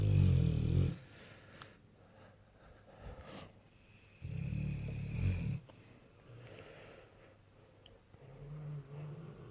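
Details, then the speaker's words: Loud, low rumbling snores in bursts with quieter breathing between, from a Bullmastiff asleep on the owner's pillow in bed; ordinary dog snoring. "the passive does snore loudly he's taken over my pillow he starts off about middle of the bed"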